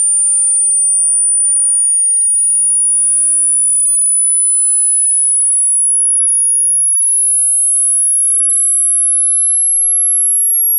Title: hearing test